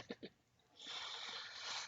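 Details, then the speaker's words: Pet pug dog snoring while asleep: two quick snuffling snorts followed by steady background hiss. "so I was Willy snoring I love that dog just so much"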